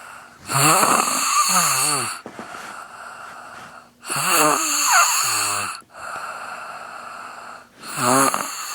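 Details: Chubby little brother asleep at 1:00 a.m.: loud, rattling, wavering snores on each in-breath with quieter hissing out-breaths, about 16 breaths a minute; loud snoring.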